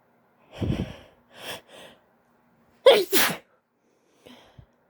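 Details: Female sneezing while high (intoxicated): several breathy, catching build-up inhalations, then two forceful sneezes in quick succession and a soft breath after.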